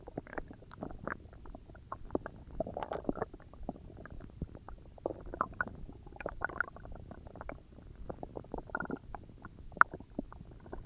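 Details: Continuous low gurgling and rumbling with irregular bubbling pops from a person's stomach; ordinary stomach growling (normal bowel sounds).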